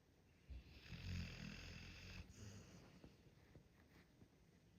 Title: Snoring sounds of a dog 🐶